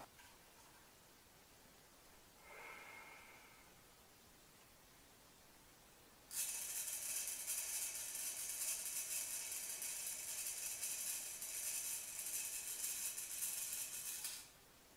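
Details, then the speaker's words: Correct incentive spirometer use: a faint brief breath, then about eight seconds of steady airy hiss through the device during a slow deep inhalation, before a six-second breath-hold. "hen they'll need to hold their breath for six seconds and then exhale slowly and allow the piston to fall before repeating again"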